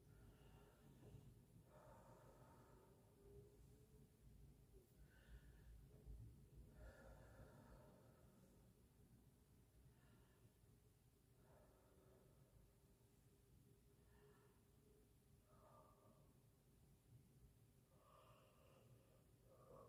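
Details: Adult patient taking deep breaths through open mouth during a physical assessment, stethoscope on back at upper lungs (C7 level): soft, even breath sounds without crackles or wheezes; normal clear lung sounds.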